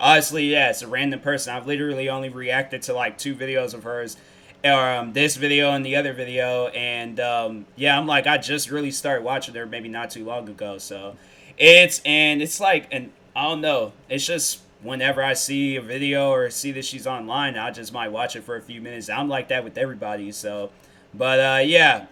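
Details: Adult man speaking; ordinary speech.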